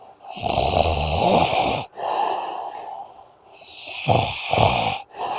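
Loud, rough, rattling breathing sounds, mostly on each breath in, repeating with short pauses: snoring.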